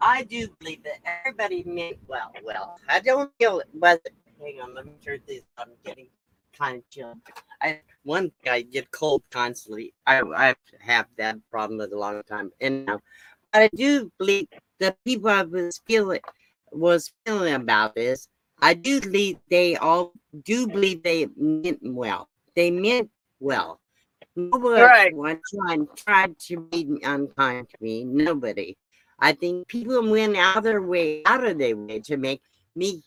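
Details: Aphasia after a recent second stroke in a 72-year-old woman reading her own poem; speech was the only physical effect; her first stroke about 7 years earlier also affected her speech.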